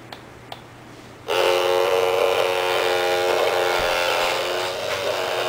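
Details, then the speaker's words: UV plus ultrasonic denture cleaner started with button presses: two soft clicks then steady buzzing hum; dentures in water-filled tank, crossed ultrasonic waves with UV sterilizing light, five-minute ultrasonic cycle. "可以看到牙具呢在这里面可以达到清洗的效果。那我们刚刚所介绍的这个双双正风的波纹呢，其实是它是这样子交错运行的，所以它每个面呢都可以清洗得非常干净。"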